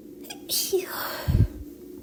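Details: Young woman's deliberately induced sneeze: a brief catching breath, then a single sharp sneeze burst; ordinary sneeze.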